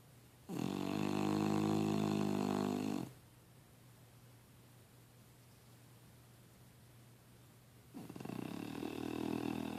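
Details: Snoring: long, loud, buzzing snores on breathing in, separated by quiet breathing out.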